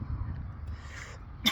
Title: God made you beautiful too(sorry for coughing I was choking on a snickers😂) #christain